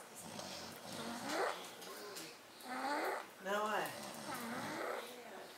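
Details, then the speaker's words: Two sleepers snoring together: quiet, rough, rattling breathing in slow cycles, with higher whistling parts on inhalation. "Who's snoring? Both."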